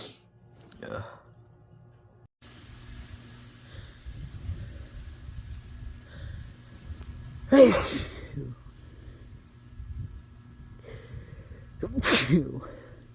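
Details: Person congested and stuffed up for days after exposure to flowers, inducing sneezes to clear the sinuses: two sharp sneezes about four seconds apart, with breathing between them.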